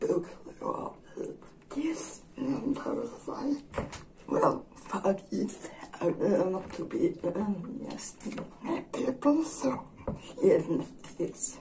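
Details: Dysarthria in a woman with generalized dystonia.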